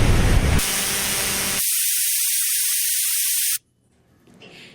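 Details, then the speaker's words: Simulated tinnitus, a 10-second edited clip of frequencies and sound types people with tinnitus hear: loud steady hissing and roaring that switches abruptly between tones, then cuts out; tinnitus simulation. "I have cut a 10c clip together of some of the frequencies and types of sounds that people who have tened us here so bear with me we're going to play a very short clip now just 10 seconds"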